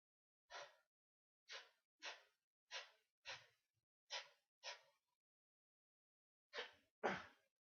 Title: Sneezes galore